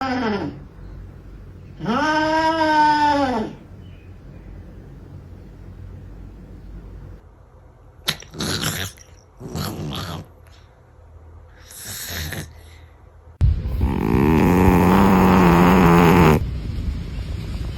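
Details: Several sleeping cats snoring, ranging from soft snuffles and tiny snores to a long, loud rumble near the end.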